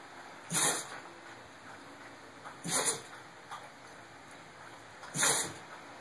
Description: She's still at it. After 15 min of sneezing.